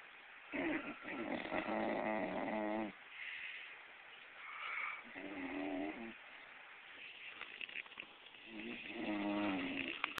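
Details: A bulldog sleeping on the couch: repeated raspy, fluttering snores on each breath, about three in ten seconds, with quiet gaps between, snoring.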